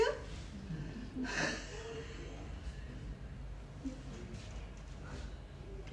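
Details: Rhonchi.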